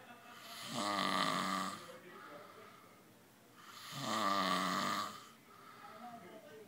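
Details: Snoring while someone plays with him: loud, rhythmic rasping snores on each breath in, about 18 a minute, with softer breaths out between.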